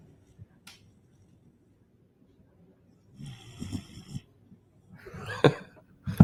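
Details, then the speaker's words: Someone passed out asleep mid-show, snoring audibly, possibly faint on the recording. "looks like toby's smiling let me see he's passed out can you guys hear him snoring"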